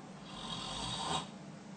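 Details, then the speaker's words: A single harsh, rattling snore with noisy breathing in obstructive sleep apnea: air passes with difficulty, and after the snore the airway may collapse and airflow stop, causing an apnea. "el problema se agrava cuando después del ronquido viene el colapso de la vía aérea el aire en ese momento deja de pasar después del ronquido podemos tener una apnea sé que el sonido es muy muy muy muy llamativo"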